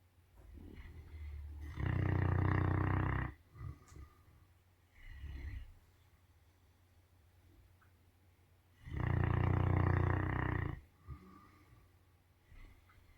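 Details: Snore-off between sleeping snorers in the morning: loud, low, rumbling snores with long pauses and softer breaths between, about four to five breath cycles.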